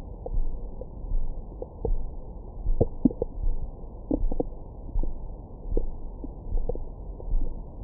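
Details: Abdomen recorded with a Stemoscope stethoscope microphone after a large meal: irregular low gurgles and brief squeaky pops. Active bowel sounds, a normal finding.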